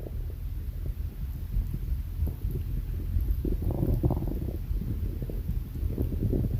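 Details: Stomach growling (borborygmi): low, rumbling gurgles from the belly with irregular bubbling bursts.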